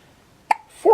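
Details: Hiccups in a newborn boy: a single sharp, brief hiccup, then the start of an adult voice.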